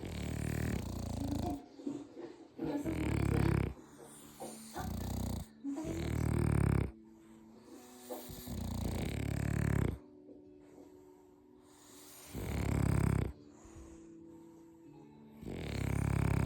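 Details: Two sleeping French bulldog brothers: loud, deep, rumbling snores overlapping in an uneven rhythm; snoring chorus.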